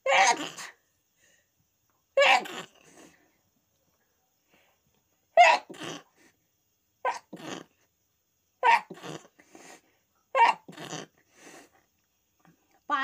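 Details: Sneezing: a run of about seven sharp sneezes, each a sudden burst with a quick follow-on, separated by quiet pauses.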